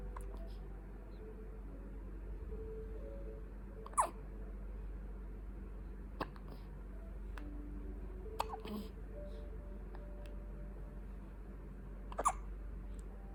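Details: 2-week-old baby hiccuping: small, sharp, separate catches every few seconds over a steady hum; newborn hiccups.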